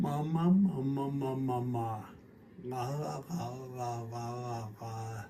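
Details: Cerebellar dysarthria (scanning speech) in a patient with slow, slurred speech; repeated phonation is especially difficult during 'mama' and 'la' repetitions in a hospital demonstration.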